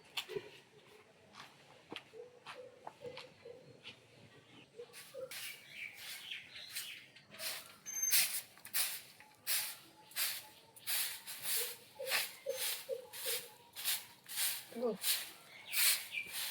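Loud, exaggerated acted snoring: rapid, harsh, noisy snorts repeating in a steady rhythm after a quieter start.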